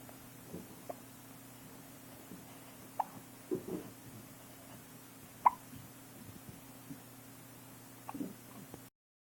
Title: Hiccups at 2 weeks